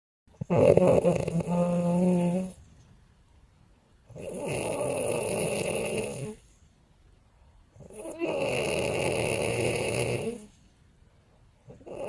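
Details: Sleeping piglets snoring rhythmically, with one loud, rasping snore roughly every four seconds.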